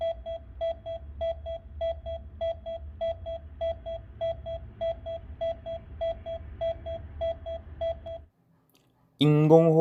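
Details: AED training demonstration: after the Korean voice prompts shock delivery, the defibrillator gives steady double beeps at about 100–110 per minute to pace 30 chest compressions, then a brief voice prompt for rescue breaths.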